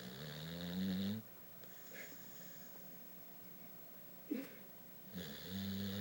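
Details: Sleeping pit bull dog: loud, rattling snores on the in-breath, separated by quieter breathing; snoring.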